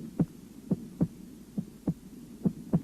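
Clear, regular paired heart sounds, a first and second sound in each beat at about 70 beats a minute, heard over the aortic area at the upper right chest. No added sounds or murmur stand out. This is a normal heart on auscultation. A faint steady hum sits in the background.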